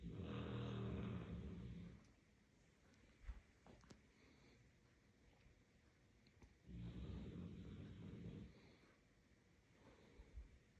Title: FUNNY DOG. Cute Dog with the Funniest Snoring Sounds .СЛАДКОЕ ХРАПЕНИЕ .dog #cruiseline #myanimals